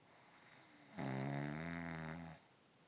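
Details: Snoring: one loud, buzzing, tonal snore lasting about a second and a half on an indrawn breath, in a quiet room.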